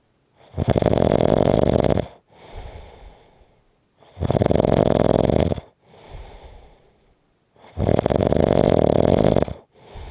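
Strong, loud rattling snores on each inhale, followed by softer breathy exhales, about 16 breaths a minute.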